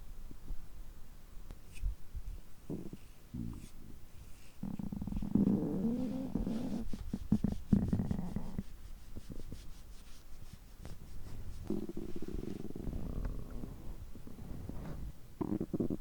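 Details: Stomach growling after overeating: low gurgling, rumbling, groaning bowel sounds coming and going irregularly during digestion, which continue over 3 hours on such days.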